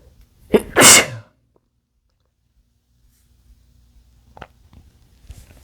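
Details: Adult male sneezing: a single loud, explosive sneeze with a sharp intake and forceful burst, followed by quiet room sound.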